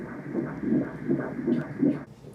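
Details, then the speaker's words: Fetal heartbeat on Doppler ultrasound of a healthy baby boy, now weighing one pound two ounces, with two kidneys seen: rapid, regular whooshing pulses at about 149 beats a minute. "[BATTEMENTS DE COEUR SUR L'ULTRASON] [DIT À ANDIE] ENTENDEZ-VOUS ÇA ? QU'EST-CE QUE C'EST? C'EST TON PETIT FRÈRE !"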